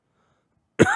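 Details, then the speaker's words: An adult man coughing after a piece of cheeseburger went down the wrong way; he has been coughing for two hours. This is a cough after aspiration. "And, I swallowed the fucking a piece of the hamburger the wrong way. And it went down the wrong windpipe. And, dude, I've been coughing for, two hours now."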